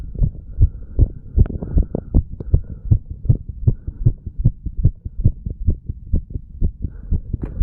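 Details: Heart recorded at the bicuspid/mitral and tricuspid valve areas of a 35-year-old male after pull-ups and breath holds: fast, steady low thumps at about 150 a minute with faint hum; normal heart sounds after exercise.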